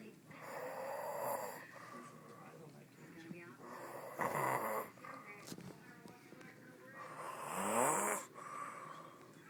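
Three loud, rough, rattling breaths about three seconds apart, roughly 18 a minute; snoring, with faint room noise.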